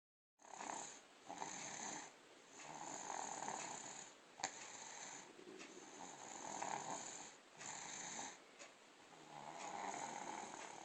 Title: Snores like Lolo & Tatay :-)